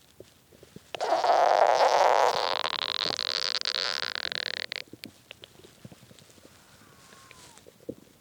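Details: A long, loud gurgling growl lasting a few seconds, then faint trailing gurgles: hunger stomach growling (borborygmi) at 3 a.m. after skipping lunch and dinner.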